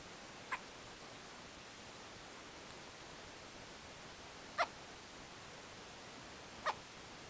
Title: Hic, Hic, Hic, Hiccups... poor baby